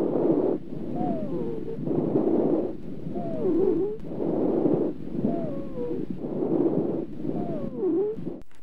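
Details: Rhonchi (wheeze): continuous musical breath sounds, described as normally heard during expiration and sometimes during inspiration or both, in airway disease.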